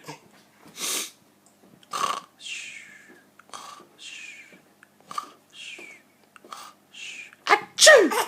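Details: A 4-month-old baby laughs at his father's repeated sneezes, about eight rapid 'achoo' sneezes in a row, possibly exaggerated for play, with infant laughter between them.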